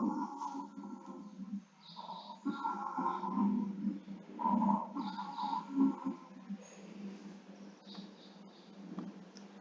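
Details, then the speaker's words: Continuous musical, whistling wheezes through the breath cycles on auscultation, presented as heard in bronchiectasis patients; wheeze. "so these sounds will be heard. Okay, these sounds will be heard markedly in bronchiectasis patients on auscultation."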